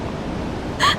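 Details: A VTuber streamer's stifled, partly suppressed sneeze, one brief, sharp, voiced burst ending faint room noise while trying to talk.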